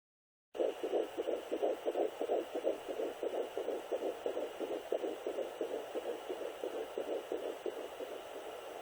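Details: Fetal heartbeat on a Sonoline B fetal Doppler at 10 weeks 2 days, second pregnancy: fast, regular whooshing pulses about 175 beats per minute over Doppler hiss.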